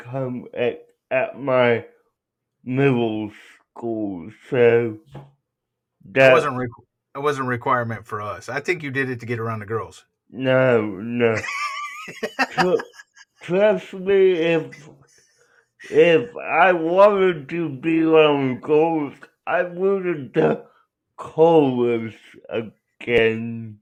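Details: Adult man with cerebral palsy, real patient answering interview questions; dysarthria.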